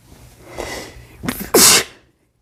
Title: sneezing (m) read description